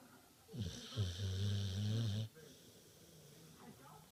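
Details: One long, low, droning snore lasting over a second, followed by quiet breathing.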